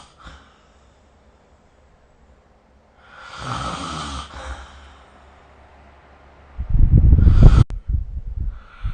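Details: Breathy inward snore, then a louder, coarse, fluttering snore several seconds later, with quiet pauses between breaths, recorded during sleep with the SnoreLab phone app; snoring.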